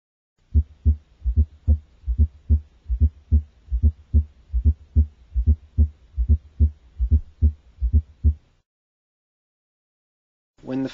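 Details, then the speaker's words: Fourth heart sound (S4, atrial or presystolic gallop) in a child: regular heartbeat near 73 a minute with a soft extra sound just before S1; heard with the stethoscope bell, child lying on left side, loudest on inspiration. "S4 is easiest to hear with the bell of the stethoscope the child lying on his left side S4 is loudest during inspiration"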